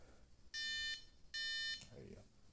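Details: Two loud electronic buzzer tones, each under half a second, from a MyoSmart Slim bruxism alarm, which monitors masseter muscle activity, set off by simulated clenching.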